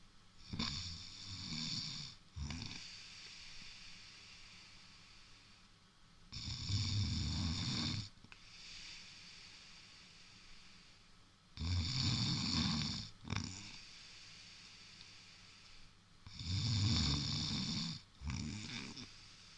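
Deep, rattling snores about every five seconds, about 12 a minute, each with a short snort and a softer breath out. Steady snoring.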